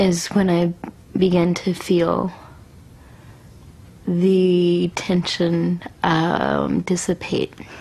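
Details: Adult woman with congenital cerebral palsy affecting motor function, with right-sided weakness and pain; severe stutter resulting from her condition. Finding: stuttering.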